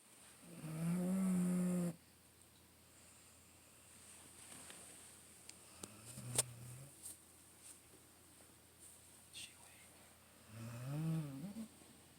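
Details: About 11-year-old female basset hound–beagle mix in fairly good health, asleep: deep, droning, moaning snores, two long ones about nine seconds apart with a faint one between; loud snoring.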